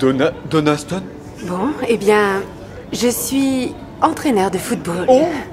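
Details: Man who stutters, speaking French to a woman at a speed-dating session; stuttering.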